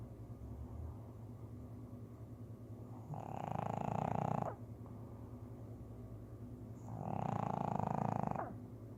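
Two loud, rattling inhaled snores about four seconds apart over low steady breathing noise: snoring in a sleeping dog.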